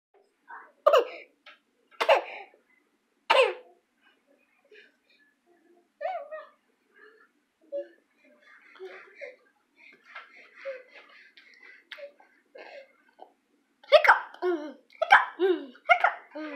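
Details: Voluntary fake cough in an almost 5-month-old teething boy: short, dry, deliberate coughs in clusters with soft cooing between, starting when his father got home; an attention-seeking cough, not illness.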